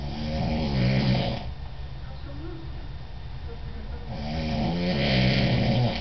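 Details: Adult man (father) snoring in sleep: loud, rough, rumbling snores, one long breath cycle rising and fading over several seconds.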